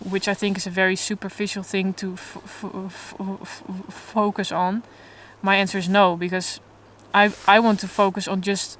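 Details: Adult woman who stutters openly but in a controlled way, in stuttering therapy for the first time and working toward letting go of control; stuttering.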